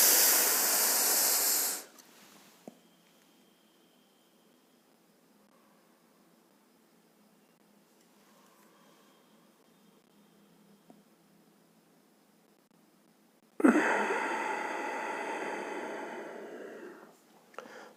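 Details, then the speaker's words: Simulated rotahaler dry powder inhaler use without drug: a deep, forceful hissing in-breath through the inhaler, about ten seconds of breath-hold, then a long exhale; needs vigorous effort, hard for a patient in distress. "जैसा कि आपने देखा इसमें बहुत ज्यादा विगर्स power लगता है तो ऑलरेडी अगर पेशेंट बहुत ज्यादा डिस्ट्रेस में है तो इसको करना मुश्किल होता है"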